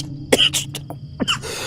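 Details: A man has a coughing fit after saliva went down the wrong way: several rapid, forceful coughs in quick succession, to the point of tears.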